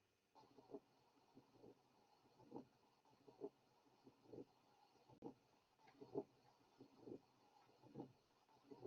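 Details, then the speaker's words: Heart sounds with a rumbling murmur carrying through each cycle, recorded at the left base: continuous murmur of patent ductus arteriosus. "Now, listen to the typical murmur of patent ductus arteriosus, recorded at base left."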